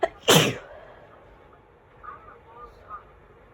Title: Fall sneezes pt 1